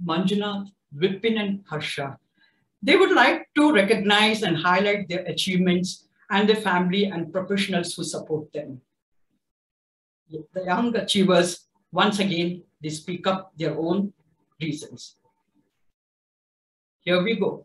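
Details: Adult speaker; typical speech.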